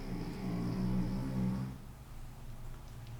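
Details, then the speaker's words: A dog snoring: a low, rumbling, buzzy breath sound lasting over a second, then fading to quiet room noise. "Oscar qui ronfle. Je ne sais pas si vous l'entendez."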